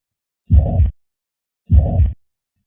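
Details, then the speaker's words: Holosystolic murmur of mitral regurgitation: low rumbling flat-intensity murmur starting at S1 and filling systole, best heard at the apex radiating to the left axilla. "the murmur starts at S1 when the AV valves close and maintains the same intensity for the entire duration of"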